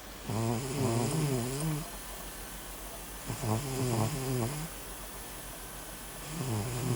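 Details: Cat snoring while asleep: loud, rough, rhythmic snoring, three snoring breaths in seven seconds with quiet pauses between.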